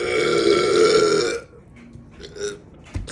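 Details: Person who chugged a can of cold sparkling water and tried not to burp lets out one long, loud voiced burp lasting over a second, then quiet room sounds; burping.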